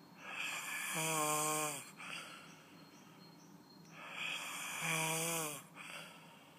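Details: Unusual snoring: two long breaths, each ending in a whistling, almost sung tone.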